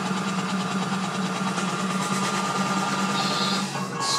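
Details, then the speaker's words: Seoil Pacific Comfort Cough insufflator-exsufflator in percussion (oscillation) mode, high set frequency, inspiratory pressure reaching 36: steady mechanical hum with rapid fluttering pulses throughout; cough assist device oscillating. "Это будет работать вот так . Процедура будет выполняться с заданной частотой, достигая давления 36."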